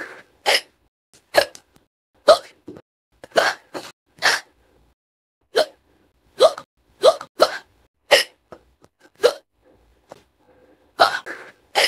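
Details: Rapid, sharp hiccup squeaks, about thirteen in twelve seconds, in an AI-synthesized cartoon voice of a character who swallowed an acorn wrong: simulated repeated hiccups.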